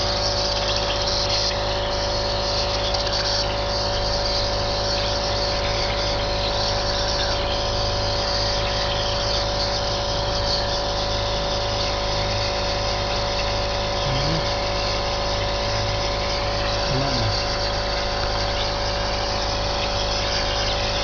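Steady mechanical hum and hiss of a compressor nebulizer running continuously, used to treat a cough.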